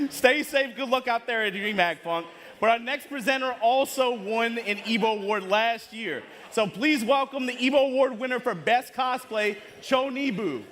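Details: Adult male speaker; normal voice.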